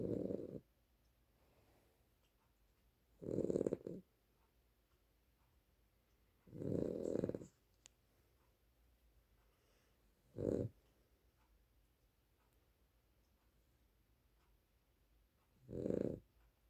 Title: Snoring Dog.